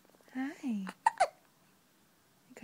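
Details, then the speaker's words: Infant girl: soft vocal sounds followed by two sharp, abrupt gulping catches close together; hiccups. "Oh, you got hiccups."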